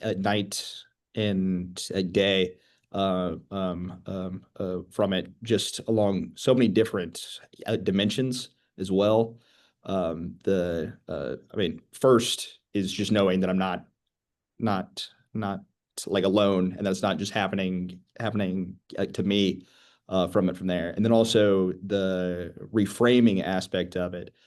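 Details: 25-year-old man who began stuttering at age 13, real person who stutters; stuttering.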